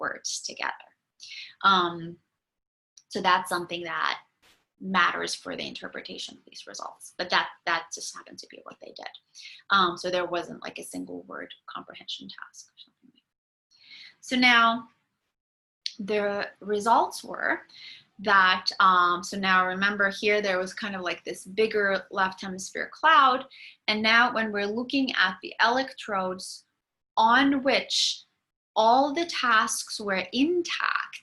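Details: Adult woman lecturing; typical speech.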